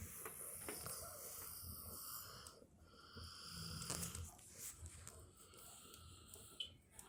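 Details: Soft, irregular, snuffly snoring with fluttering breath noises from a sleeping puppy, a guard dog, over quiet room hiss; ordinary sleep snoring.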